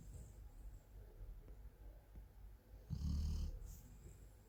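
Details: Female golden retriever sleeping, with quiet low breathing then one deeper rumbling snore on a breath; snoring.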